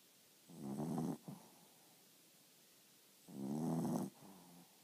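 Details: Sleeping dog snoring: two loud rattling snores on inhalation, each followed by a softer exhale, in a quiet room.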